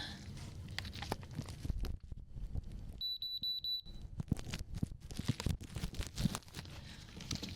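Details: Simulated ASMR ear-exam roleplay: an ear thermometer placed in both ears gives a short run of high electronic beeps as it finishes a normal reading, amid close handling and rustling.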